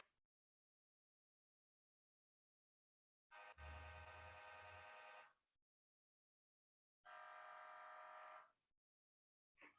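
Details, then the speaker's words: Loud, droning electronic buzzing in long bursts separated by silence, played to illustrate the noise heard throughout a magnetic resonance imaging exam; MRI scanner noise. "lo cierto es un examen muy ruidoso hay un ruido durante todo todo el examen"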